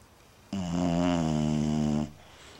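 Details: Female puppy snoring while asleep: one long, loud, buzzing drawn-out breath lasting about a second and a half.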